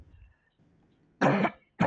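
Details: Adult male politician, reportedly under medication, giving a speech: after a quiet moment, a strong harsh cough, then the start of a second, interrupting the speech; he then asks for water.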